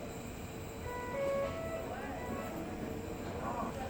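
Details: A short series of rising electronic alarm tones over steady room noise from a Philips V60 ventilator during a demonstration of its use; a mechanical ventilator alarm.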